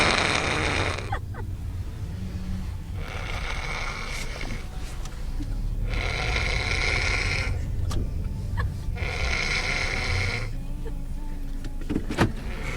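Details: Young boy asleep in the back seat of a car, snoring: loud rattling snores on each inspiration, about every three seconds, over steady car noise.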